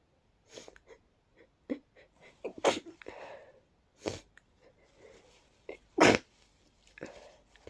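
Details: Adult coming down with a cold, at night: a run of soft, breathy, congested sneezes with short sniffly build-ups, several small bursts and a couple of stronger ones.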